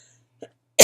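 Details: Adult with chronic illness and asthma complications, sick with bronchitis and taking steroids (prednisone): a faint soft sound, then one abrupt, harsh cough burst cut off at the end; bronchitis cough.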